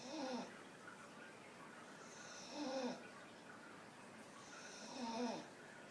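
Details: Staffy dog snoring while sitting up with eyes wide open: three rhythmic snoring breaths, about 24 a minute, each a soft nasal rattle with a faint whistle; ordinary dog snoring.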